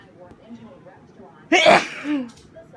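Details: Quiet breathing, then one sudden explosive sneeze with a short voiced tail, during the worst day of a cold, sneezing into a handkerchief or uncovered.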